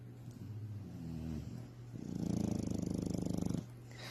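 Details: Female rescue up for adoption, snoring: soft, fluttering, purr-like rumbling snore rising and falling with the breath over a steady low hum; light snoring that sounds like purring.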